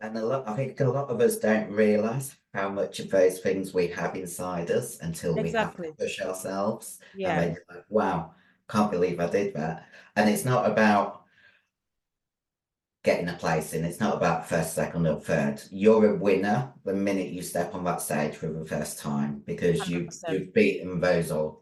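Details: 56-year-old female bodybuilder with androgen-induced voice deepening (virilized voice) after taking large doses of anabolic steroids, including male steroids; she can no longer sing; also has chronic kidney disease and past liver damage.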